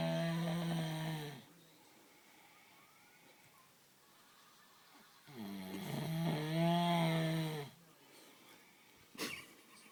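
Deep, drawn-out rumbling snores from a cow, two long breaths several seconds apart with quiet between. Animal snoring.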